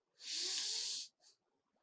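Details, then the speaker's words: Normal vesicular breath sound on chest auscultation of a healthy person: soft rustling like dry leaves blown by wind, long inspiration and much shorter, fainter expiration (about 3:1) with no gap, unlike tracheal bronchial sound. "expression is so small and there is no Gap so this is vesicular and the above was bronchial sound okay"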